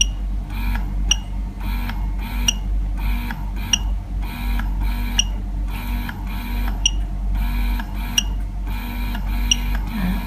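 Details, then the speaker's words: Steady motor hum with rhythmic suction cycles and soft clicks, about one every 1.3 seconds, from a rechargeable electric breast pump (Lacte Solo Elite) running in stimulation mode; breast pump running. "Ini adalah indikator untuk menunjukkan sekarang pump ini berada dalam mode stimulation. Untuk menukar ke aspiration, hanya perlu tekan butang ni."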